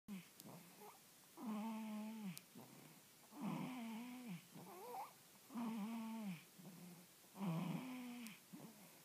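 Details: Newborn baby girl snoring while asleep: rhythmic, squeaky, tonal snoring sounds with each breath, about 30 a minute.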